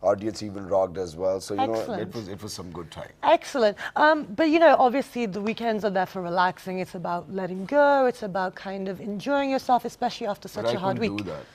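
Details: Adult TV host; normal speech.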